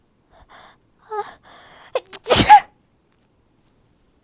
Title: Loud, moany sneezes